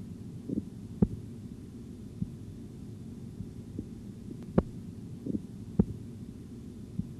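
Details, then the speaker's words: Faint, irregularly spaced soft Korotkoff taps over low hum during auscultatory blood pressure measurement in a training exercise; the last regular tone marks diastolic pressure at 88 mmHg, with a reading of 148/88 mmHg. "так последний регулярный тон находится на уровне восемьдесят восемь миллиметров ртутного столба"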